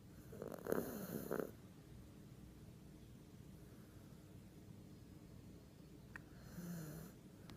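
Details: Snoring from a sleeping "little baby": two short rattling snores close together, then quiet breathing and a softer third snore.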